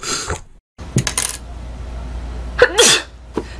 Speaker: I have to sneeze. Excuse me. I'm about to sneeze, I think.